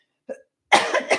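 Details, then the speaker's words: Adult coughing during a live talk: a faint catch of breath, then a short, harsh cough burst with a second explosive push. "you're going to hear me coughing more and I'm probably going to have to get off soon"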